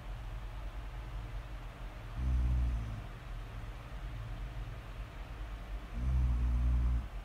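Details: Two deep, rumbling snores about four seconds apart over a low background hum, a slow sleeping breath rhythm; snoring.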